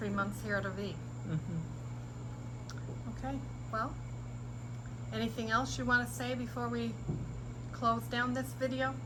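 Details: Adult speaker; no speech disorder.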